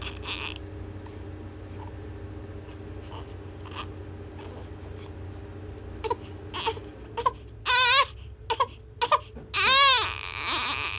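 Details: Infant cry: quiet whimpers building into loud, strong, high-pitched crying bursts from a baby in a small room; an ordinary vigorous cry.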